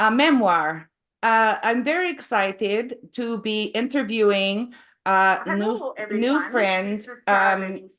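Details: Adult woman with foreign accent syndrome since 2010; foreign accent syndrome.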